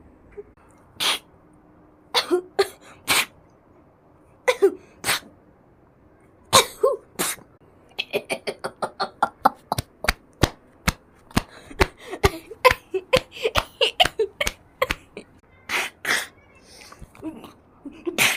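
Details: Several people in Turkey give repeated sharp coughs that build into rapid runs of short coughing bursts: coughing fits.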